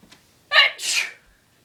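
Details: A single sharp sneeze during everyday home life with a sister: a quick intake followed by an explosive burst of air.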